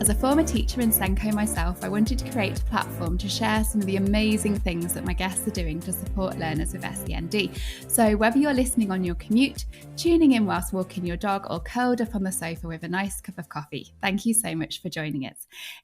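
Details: Adult woman speaking; Normal fluent speech.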